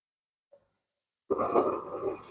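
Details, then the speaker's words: Twin pregnancy ultrasound, one twin measuring 10 weeks 5 days versus 11 weeks 6 days for the other; silence, then a brief pulsing Doppler whoosh of the lower twin's fetal heartbeat. "এটা শুনতে পাচ্ছেন বাচ্চার heartbeat. তার মূলত বাচ্চার heartbeat."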